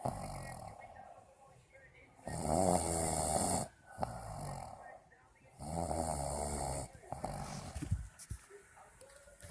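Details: Loud, rough rattling snores on each in-breath, separated by quieter breathing, during sleep; heavy snoring.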